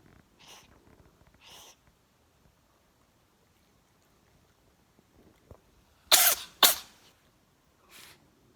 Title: Have you ever seen a cat sneeze before?